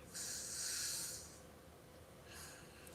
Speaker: Y'all hear the snoring